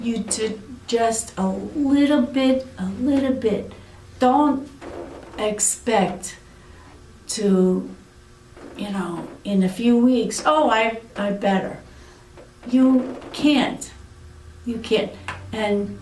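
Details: Aphasia in an adult woman following a severe stroke about eight years earlier.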